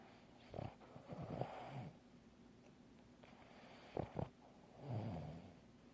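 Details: Snoring from a sleeping dog: low snorting, rattling breath sounds coming in irregular bursts.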